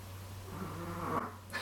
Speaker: If you can hear snoring, that's my dog.